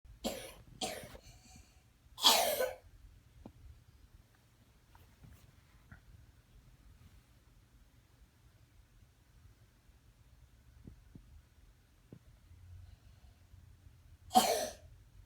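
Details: Child coughing four times at night in a quiet room, long silent pauses between coughs: nighttime cough.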